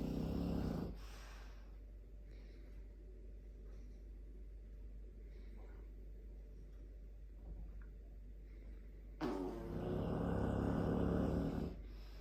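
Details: Dogue de Bordeaux gives two loud, low rattling breaths separated by quiet breathing; large dog snoring.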